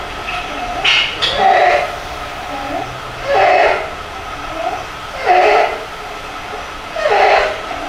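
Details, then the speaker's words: Young child with pediatric laryngotracheitis: harsh honking barking cough with stridor recurring about every two seconds, roughly 30 a minute; croup. "Lo segundo, la disfonía, la tos grupal, el estridor laríngeo y la dificultad respiratoria."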